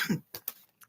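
A brief adult cough: a deep first burst followed by a couple of short, softer bursts.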